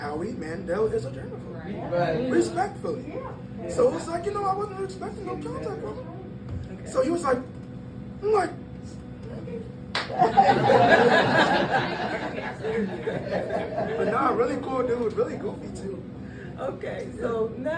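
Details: Breathy voice in a 22-year-old man from incomplete vocal fold closure (glottal insufficiency), linked to extremely premature birth at about one pound, with lungs and vocal cords developing as he grew; the cords still don't close fully.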